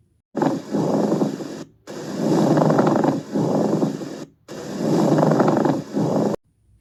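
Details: Pleural friction rub: a rough, creaking, grating, non-musical sound heard through both inspiration and expiration.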